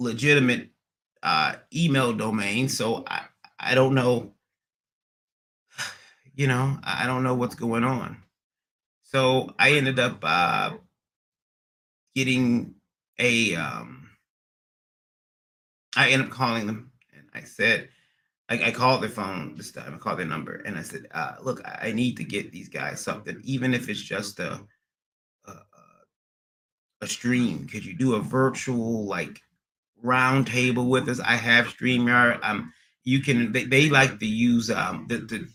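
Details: Man with acquired stuttering after a transient ischaemic attack around February 1, MRI showing some damage; speech not fully recovered, stutters occasionally; receiving physical, occupational and speech therapy and seeing a neurologist.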